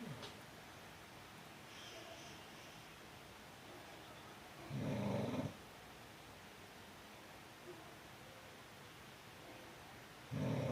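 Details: Dog's light snoring: two low, brief snorts roughly six seconds apart over steady room hiss.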